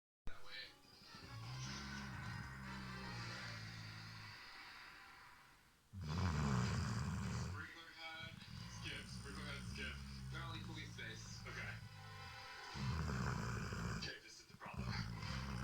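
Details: Rescue dog adopted 6 months ago, fast asleep: long, low rumbling snores repeating through sleep, over television sound in the background.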